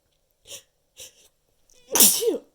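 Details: Fourth in a long counted run of repeated sneezes: two soft, breathy build-up sounds, then one loud explosive sneeze with a voiced ending.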